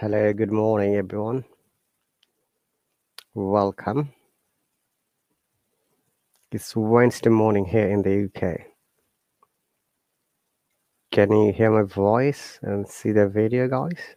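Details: Adult male speaker; no disorder.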